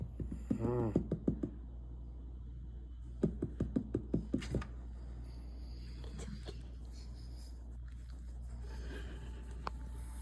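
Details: A sleeping deaf mother French bulldog gives a short, snorting, rattly snore, then a run of quick clicking snuffles, with a steady low room hum: snoring.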